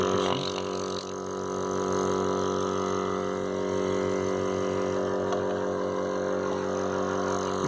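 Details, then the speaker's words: Steady motor hum with a fast, even rattling pulse: Dr Trust compressor nebulizer for kids and adults running at unboxing, checked for its advertised low noise. "so maybe we'll just for time being we'll just check the sound how the how it sounds like it because we it never mentioned its little very low noise one"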